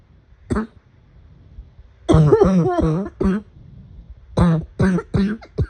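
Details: Afternoon coughing fit: about seven harsh, voiced coughs, one drawn out, coming in an irregular cluster.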